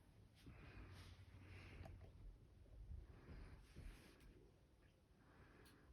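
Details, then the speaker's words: Stethoscope on the patient's back during a physical exam, patient breathing normally without deep breaths: soft, quiet airflow, clear with no wheeze or crackles; normal breath sounds. "sounds nice and clear perfect"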